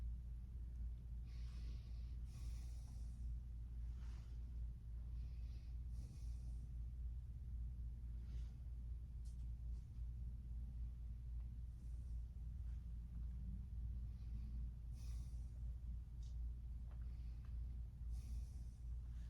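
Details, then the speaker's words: Adult male's lungs auscultated with the stethoscope diaphragm in a side-to-side ladder pattern over full breathing cycles: soft, steady breathing, all clear with no crackles, wheezes or other adventitious sounds, normal breath sounds. "Perfect all his lung sounds are clear there's no sign of any adventitious sounds"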